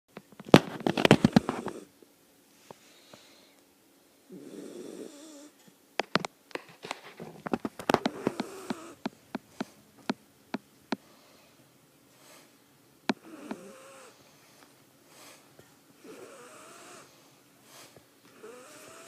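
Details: Snoring from a little girl; irregular snoring with rattling, fluttery clicks and some whistly, wavering breath sounds in a quiet room.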